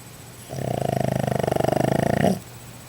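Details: Pug named Oscar snores: a single long, fluttering snore with a rapid rattling vibration like a drumroll.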